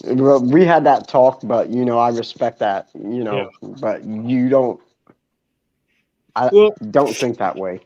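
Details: Adult man speaking; normal speech.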